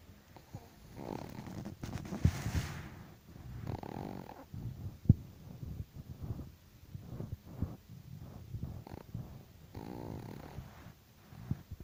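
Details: Chihuahua dog snoring loudly in sleep: irregular low rumbling snores and snorts with occasional louder snuffles.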